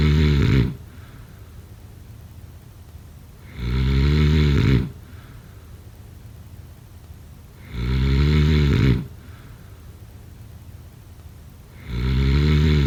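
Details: Snoring during sleep, sound-effect/ASMR recording: loud, deep, rattling inspiratory snores, about 14 a minute, evenly spaced with quiet breathing between.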